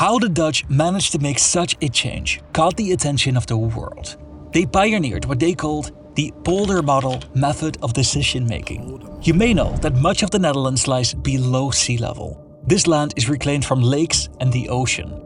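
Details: Adult narrator; normal speech.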